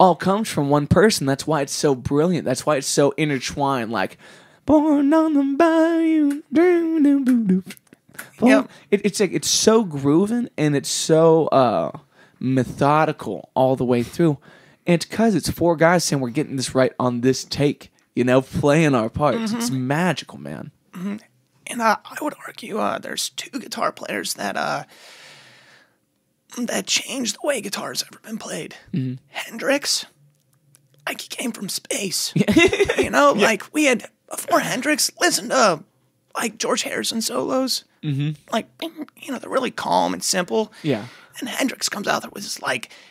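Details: Muscle tension dysphonia affecting the speaking voice of an adult male singer; he describes it as stress-induced and temporary, says he can hardly talk but can still sing.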